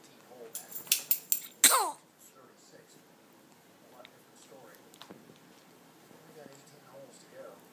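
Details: Five-week-old sneezing while straining to pass a poop, with a TV golf broadcast in the background.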